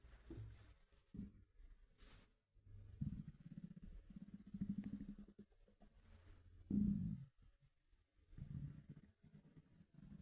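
Quiet, low gurgling and rumbling with bubbly bursts from an empty stomach, muffled by fabric; ordinary hunger bowel sounds.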